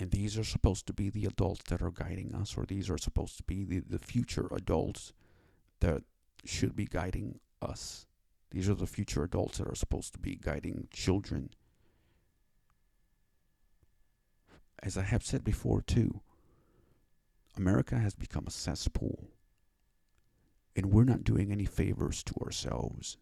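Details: Stuttering (dysfluent speech) attributed to cerebral palsy in an adult male; has had five years of speech therapy.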